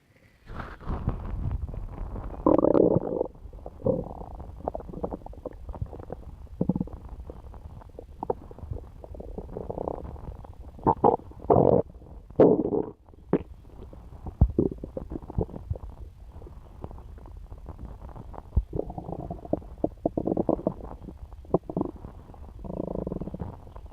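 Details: Adult woman's stomach noises after eating pizza: irregular gurgles, squelches and low rumbles of active bowel sounds.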